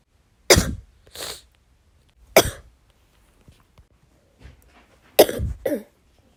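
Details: Female with bronchitis: three forceful, harsh chest cough bursts, two followed by a second rougher sound.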